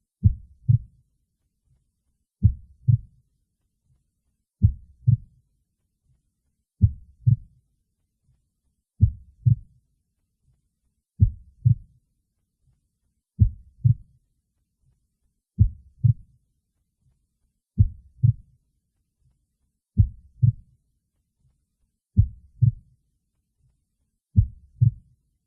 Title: heartbeat sound